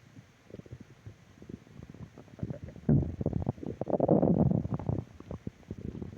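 Low gurgling rumbles that swell and fade irregularly: ordinary stomach growling from gas and fluid moving through the gut.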